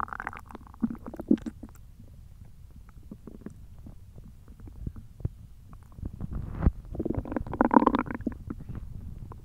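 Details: Hungry belly: low gurgling and rumbling with bubbly pops, swelling louder toward the end; ordinary stomach growling from hunger (borborygmi).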